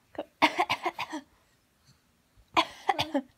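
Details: 5-month-old baby playfully imitating her mother's coughing: two quick runs of short, light cough sounds, an imitated cough rather than an illness cough.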